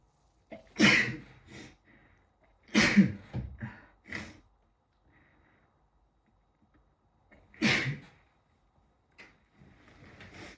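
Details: Person with a cold has a sneezing fit: a run of about four forceful sneezes over several seconds, some with a short catch before them.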